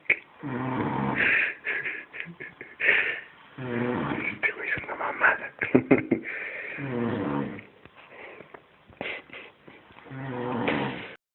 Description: My friend passed out after a wedding, tried to wake him up but nothing. Funny snoring sounds when I did.